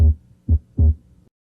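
Three low, dull heart thumps, steady with no extra sounds or whooshing between them, heard over the left chest: normal heart sounds.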